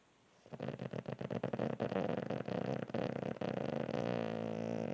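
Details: Pug snoring, said to sound like a man: continuous rattling, fluttering snore, a rapid vibrating buzz without clear pauses between breaths.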